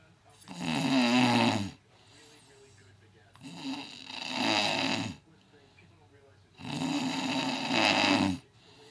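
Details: Snoring recorded before starting CPAP: three long, loud, harsh snoring breaths with quiet gaps, about 18 breaths a minute.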